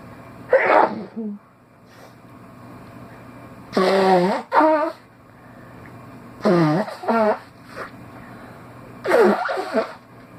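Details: Sneezing on waking: four sneezing bouts, mostly in pairs, with a gasping intake before each, against a steady low room hum.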